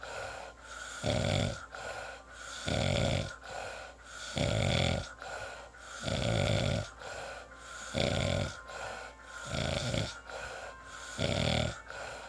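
Regular low rattling snores on each breath in, about 18 breaths a minute, with quieter breathing out between; ordinary snoring.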